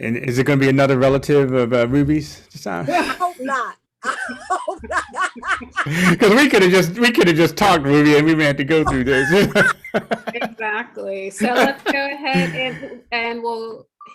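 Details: Adult male speaker; normal speech.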